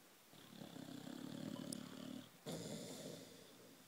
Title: Snoring, twitching, hilarious boxer dog